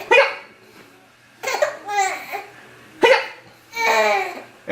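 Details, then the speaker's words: A baby laughing and babbling with hiccups. Sudden sharp hiccup catches break into the laughter. "has hiccups! Hiccup! Yeah, you do have hiccups."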